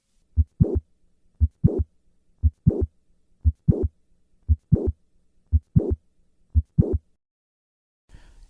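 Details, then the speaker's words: Mitral valve prolapse, standing then squatting: regular heartbeat about 58 per minute with late systolic click and short murmur; squatting increases left ventricular size, moving the click and murmur later in systole. "the click and murmur are affected by Dynamic Maneuvers such as squatting moving from the standing to the squatting position causes the click and murmur to move later insistently listen to the change in the click murmur with a squat maneuver standing"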